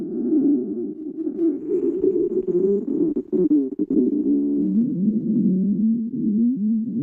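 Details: Continuous low gurgling rumble with a wavering, gliding pitch: borborygmi (stomach growling).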